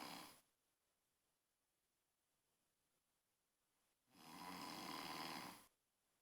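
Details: Two noisy, breathy snoring breaths about four seconds apart, quiet between, in a small enclosed space: snoring.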